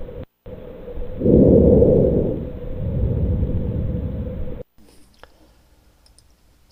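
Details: Normal vesicular breath sounds.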